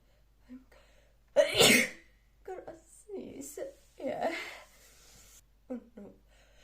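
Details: Woman role-playing a maid allergic to dust, sneezing in a staged scene: a single loud, explosive sneeze followed by quieter voiced sounds and sniffles in a small room.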